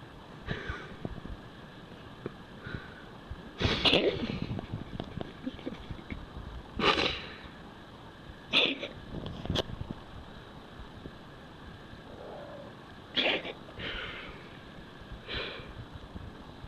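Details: A male cat gives repeated short, harsh, forceful bursts of coughing and retching, with quiet between them.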